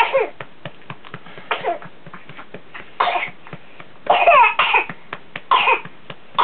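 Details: A child has repeated bursts of harsh coughing while a caregiver urges "spit it out", a fit suspected to be whooping cough. It was recorded for the doctor after antibiotics for pneumonia prevented a diagnosis.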